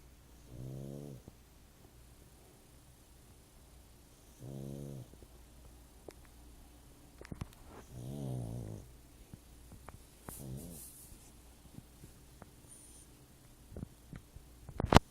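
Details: Three soft, buzzing snores several seconds apart from a sleeper lying on someone's foot, with faint clicks and room noise between; light snoring.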